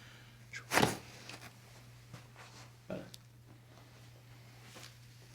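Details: Teenage self-cracker at her second chiropractic visit, neck adjusted on the right side with her head relaxed into the practitioner's hands: quiet room, then a brief dull pop and a softer second knock; normal joint cavitation.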